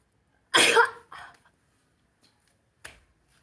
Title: Pretty FEET,sneezes and nose blowing AFRICA.